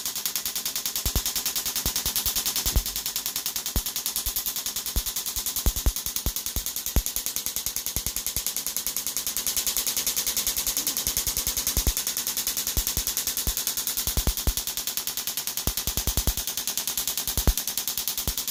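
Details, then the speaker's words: Second EPAT shockwave session for Achilles tendonitis with slight tendon thickening: rapid sharp clicking pulses, roughly 86 a minute. "This is the second EPAT that we're doing with this patient, or shockwave therapy for Achilles tendonitis, or a little thickening in the Achilles."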